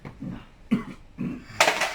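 A few short, harsh cough bursts in a small room, ending with a sharper, louder expulsion.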